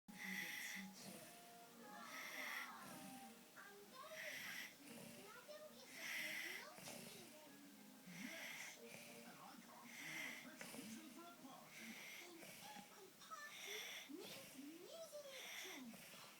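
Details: Sick child snoring in sleep: rhythmic, raspy, slightly whistling breaths, about 30 a minute.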